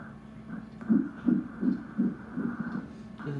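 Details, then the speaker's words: Doppler fetal heartbeat of the first twin in a 43-year-old woman's IVF twin pregnancy: rapid, regular whooshing thumps at about 160 a minute, a normal fetal heartbeat. "那我们来看一下他的心跳，在这里，这是第一个的心跳。"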